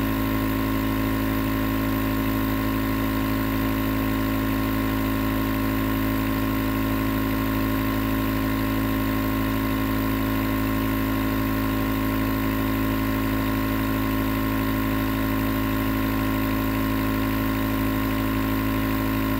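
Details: Nebulizer compressor running as white noise for sleep: steady, unbroken mechanical hum and buzz; nebulizer running continuously.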